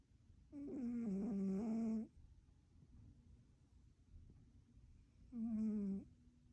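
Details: A sleeping one-eared cat snoring: two buzzing, tonal snores about five seconds apart, with quiet breathing between, in a quiet room.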